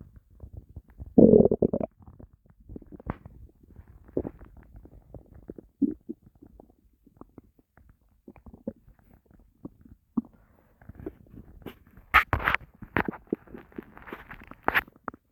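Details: Person's stomach growling after going without food for a long, uncertain time and feeling starving: irregular gurgles, rumbles and squeaks, normal bowel sounds of an empty stomach.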